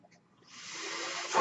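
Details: The speaker's own home mechanical ventilator: after a quiet moment, a soft airy hiss rises steadily, the inflow of one ventilator-delivered breath.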